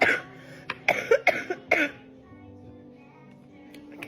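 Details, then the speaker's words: Adult woman with cough lasting five to six weeks, previously labelled allergy, asthma then bronchitis; no pneumonia, treated with prednisone and antibiotics, producing nasal mucus; quick run of about four harsh, somewhat wet coughs; chronic cough. "So, yeah. Hacking up nasty stuff coming out my nose to um help. They're saying I have no pneumonia and britis is clear. So, like what is it exactly that I have?"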